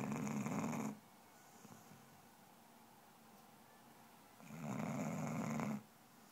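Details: Daisy the snoring basset hound: two loud, rough snores separated by a quiet exhalation while asleep.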